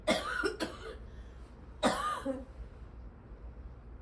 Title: Her old lady cough